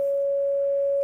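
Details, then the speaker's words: A steady, unbroken mid-pitched musical note played to imitate a heart monitor flatline alarm, not from a real patient; simulated flatline monitor tone (asystole). "stasis anybody feeling healthy no because when's the last time you heard that noise that's the sound of a heart monitor when the heart is flatlined"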